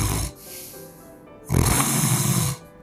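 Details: Snoring during sleep, a sound example from a sleep analysis using a smartphone snoring app.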